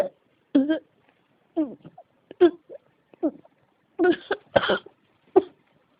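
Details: About eight short, voiced cough bursts in irregular succession over six seconds: a persistent coughing fit that won't stop.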